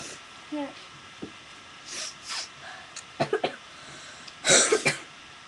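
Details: Several short, sharp sneezes, the loudest near the end, with faint breathy sounds between them; sneezing recorded on purpose for a sneezing video; sneeze.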